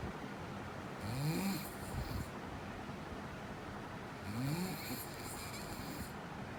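Two low, rasping inhaled snores with a soft hissy edge, under steady background hiss; snoring.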